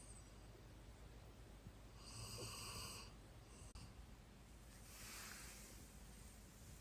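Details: Snoring on the in-breath, rough with a whistly, hissing quality, over steady low background noise; snoring that began with age.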